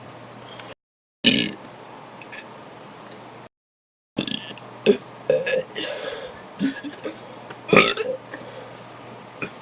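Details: Several loud, low, rumbling burps in a row, some long and drawn out, recorded in a bathroom after drinking soda; repeated belching.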